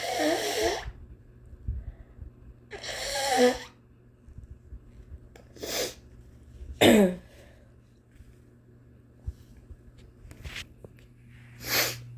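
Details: Adult with a long-standing cough, long blamed on allergies, who now wonders about asthma (some family members have it): six coughs, the first two harsh and drawn out, the rest shorter and sharper. Chronic cough.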